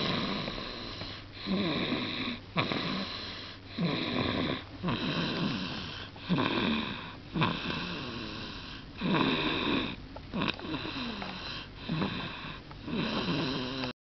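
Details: Snoring recorded on 2013-02-24: repeated rattling snores on each breath, about twelve over fourteen seconds, with quiet gaps between them; ordinary snoring.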